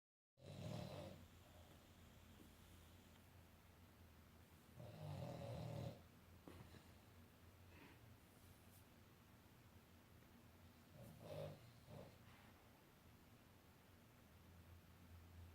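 Low rumbling snores on breathing in, a few seconds apart, over steady room noise; a dog snoring in sleep.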